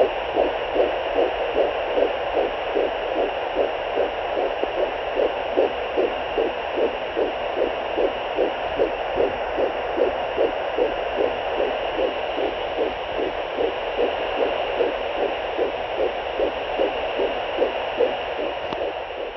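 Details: Fetal heartbeat at 12 weeks of pregnancy on a home fetal Doppler: fast, regular whooshing pulses at about 150 beats per minute over a steady hiss.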